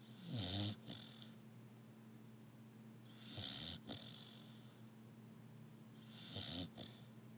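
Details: Pitbull dog snoring while asleep: rattling snores at about 20 breaths a minute against a steady room hum.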